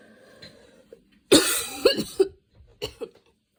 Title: little fit while getting ready, hahah might just film grwm just with coughing